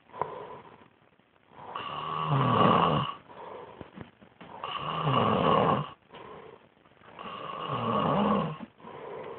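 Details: Child sleeping on a couch: loud, regular snoring on each breath in, about 22 breaths a minute, with a quieter sound on each breath out; snoring.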